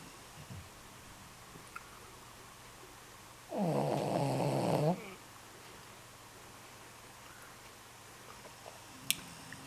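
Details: Snoring from a 14-year-old Shih Tzu in deep sleep: a single rough, fluttering snore lasting over a second in a quiet room.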